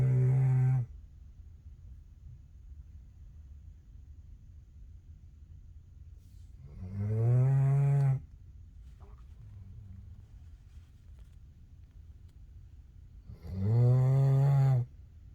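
Three long, low, rumbling snores on breathing in, about 9 a minute, with quiet pauses between: snoring.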